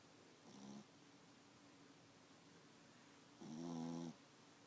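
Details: A sleeping dog snoring: a short then a longer rattling snore, with quiet room noise between breaths.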